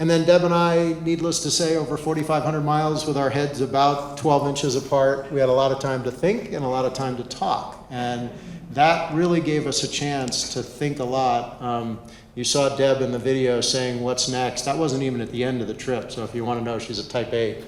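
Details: Adult male speaker; normal speech.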